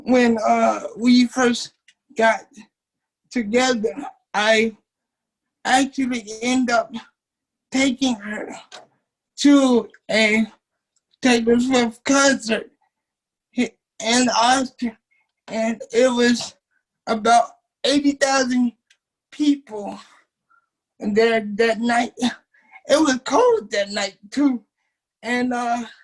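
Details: Dysarthria in a 27-year-old man with cerebral palsy since birth, affecting his muscles; he uses a wheelchair, and doctors had said he would not be able to talk.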